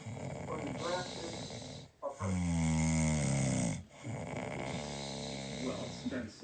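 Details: Adult man snoring loudly while asleep: low, rattling snores with a strong buzzing tone, separated by short quiet gaps. Ordinary snoring.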